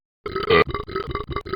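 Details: A person burping a lot: one loud, rough burp followed by a run of shorter voiced belches, showing repeated burping.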